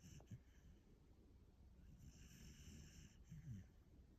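Quiet, low snuffling snores with faint whistly breaths from a sleeping puppy.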